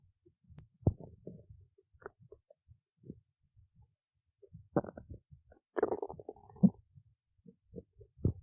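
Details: Irregular low gurgles and rumbles from the belly, with quiet gaps between, in a person awake since 1:25 a.m.: ordinary stomach growling (borborygmi).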